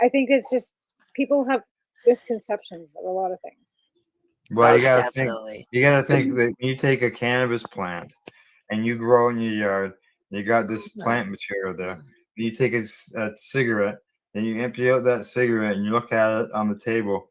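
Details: Adult male speaker; typical speech.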